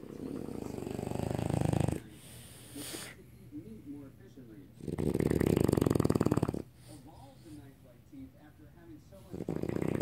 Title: London the Frenchie snoring like a harley